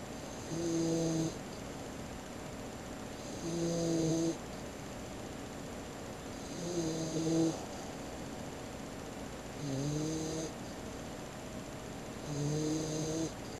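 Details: A 16-week-old puppy snoring on the bed, tired out after a walk in the woods: regular tonal snores about 19 a minute over steady room hum; ordinary harmless snoring.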